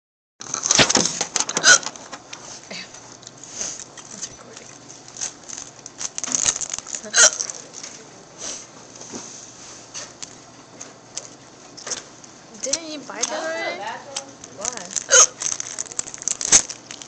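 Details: Hiccups: brief, sharp, irregular hiccup bursts over handling and rustling noise, with a short voiced sound near the end.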